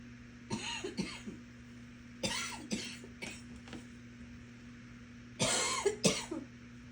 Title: More coughing